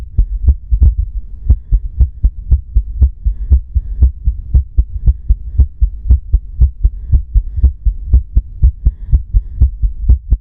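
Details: Recorded just after a fainting episode (cerebral anemia): fast heartbeat near 120 a minute with uneven spacing between beats and faint breathing sounds; an irregular heartbeat.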